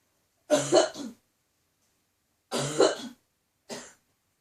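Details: Adult woman, still coughing: three short, dry, throaty cough and throat-clearing bursts of a tickly cough; nose blowing also noted.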